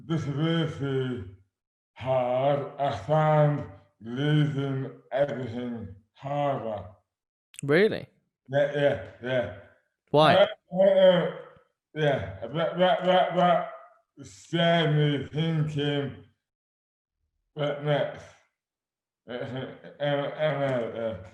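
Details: Adult man with dystonia, a rare neurological disorder; severely slurred speech began suddenly overnight in 2008 without warning, speech dramatically impaired, hands also affected; dysarthria (oromandibular dystonia).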